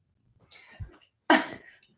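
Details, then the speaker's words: Adult reading aloud who stops to drink; a soft throaty sound, then a single sharp, loud cough burst: an ordinary isolated cough. "drinking [Music] and some coughing but you don't need to hear that"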